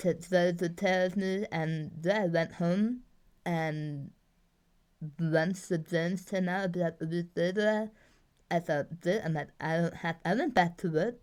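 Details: Articulation impairment in an adult woman after two bouts of tongue cancer treated with surgeries, chemo and radiation; communication difficulties.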